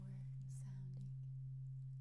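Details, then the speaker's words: Steady, low, pure humming tone from a second struck tuning fork held next to each ear for a hearing check, in a simulated ASMR cranial nerve exam roleplay by a non-doctor, just before a Weber test. "Then I have one more tuning fork. We're gonna do that same thing."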